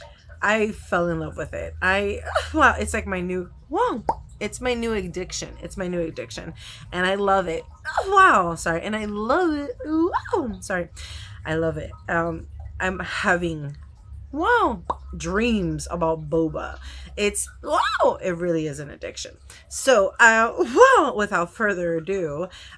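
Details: Vocal tics in an adult woman with Tourette syndrome, hard to control especially on camera, with interjections such as "whoa" and "wow" and occasional swearing; she has not yet started new medication.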